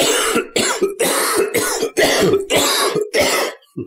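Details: Repeated loud, harsh coughs edited back to back, removed from podcast recordings, from an adult male podcast host who has coughed a lot his entire life; repeated coughing.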